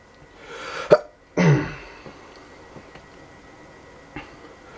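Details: Allergic sneezing attributed to dust, pollen or pepper, occurring daily: a rising in-breath, then a loud, explosive sneeze, with quiet room sounds after.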